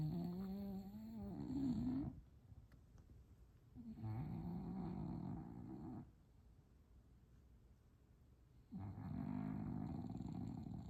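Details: Bulldog: loud, rough, rattling snores on the in-breath with quiet pauses between, about three breaths in eleven seconds; heavy snoring.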